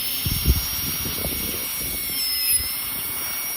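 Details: High-speed dental drill with a number 2 round bur removing bone over the roots after a flap, to expose the bifurcation for extracting a large lower 09 tooth in a dog: steady high-pitched whine with low grinding contact.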